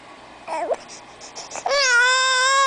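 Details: An infant fussing during tummy time, recorded in 2010: whimpers build into a sustained loud cry of displeasure.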